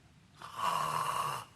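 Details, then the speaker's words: An imitated mouth-breathing snore: a single sustained, rattling, fluttering breath through the open mouth, from vibration of the soft palate rather than the nose; nasal congestion is named as a main aggravating cause. "bu sesi yapan karşı duvardaki yumuşak damak dediğimiz perdenin sallanma, titreme sesi bu. Yani burnunuzdan horlamıyorsunuz."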